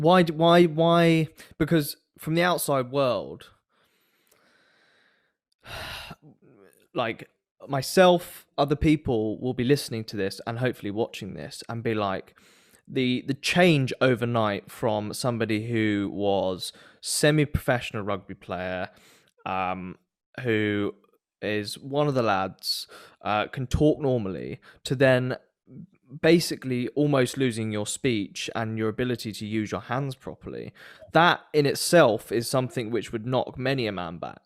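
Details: Adult male speaker; typical speech.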